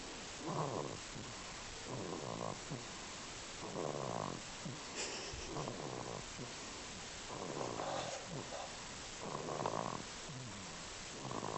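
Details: Baby sleeping at week 10, light infant snoring: soft rhythmic snuffly breath noises about 34 a minute over steady background hiss.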